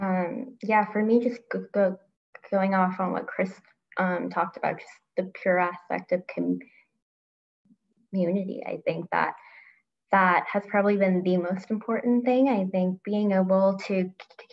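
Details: Adult woman who stutters and grew up covert about it, with part-word repetition; stuttering.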